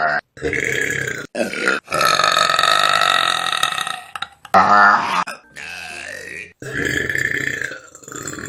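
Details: Compilation of burps from short Vine clips: a run of loud, drawn-out voiced belches from different people, with brief talk in between; burping.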